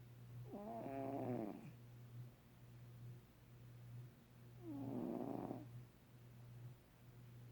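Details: A sleeping cat snoring: two soft, whistly snoring breaths over a steady low room hum.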